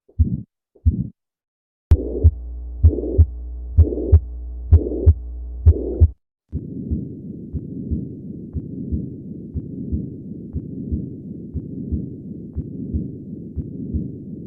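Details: Teaching recording of heart auscultation in valvular heart defects: regular heart sounds at about 64 beats a minute with a sustained murmur between beats.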